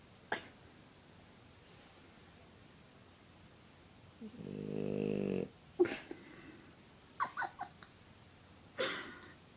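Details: Dog asleep with eyes open: one low, buzzing snore lasting about a second amid quiet breathing and soft snuffles.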